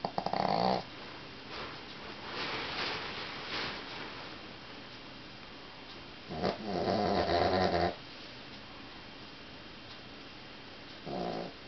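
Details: Noisy, rough breathing during sleep recurring with quiet pauses between; snoring.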